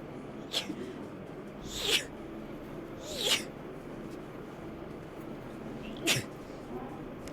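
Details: Girl with rapid sneezes: four quick, sharp sneezes in a row with faint room noise behind.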